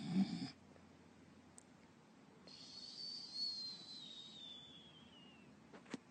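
A thin, high whistle that slowly falls in pitch during a breath, a performed imitation of a whistling snore rather than a real wheeze.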